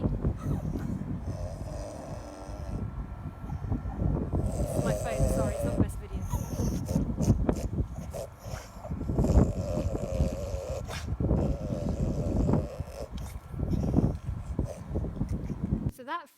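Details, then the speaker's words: Female dog with brachycephalic obstructive airway syndrome, still markedly obstructed after palate surgery: loud, continuous snorting, snoring-like breathing; persisting upper airway obstruction of nasal origin. "has had a palette done okay so she's had a palette done and she's still got quite marked obstruction it's nasal okay"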